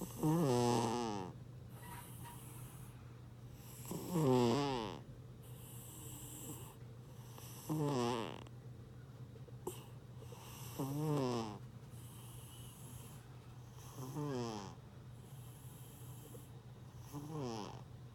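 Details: A fat, sleeping cat snores loudly in regular rattling bursts, about 17 breaths a minute, over a steady background hum: snoring.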